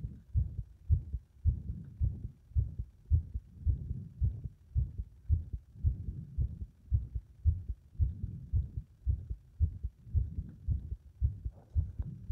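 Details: Heart that becomes unstable under compression: low muffled heartbeats about 110 per minute with uneven spacing and loudness in places, an irregular rhythm.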